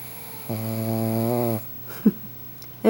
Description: Elvis the dog is snoring like crazy. he gets mad when i wake him up